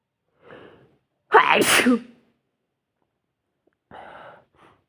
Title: sneezing in the bed